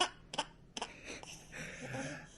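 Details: Three small, quick sneezes from a baby, then soft vocal sounds, possibly giggling; ordinary infant sneezing.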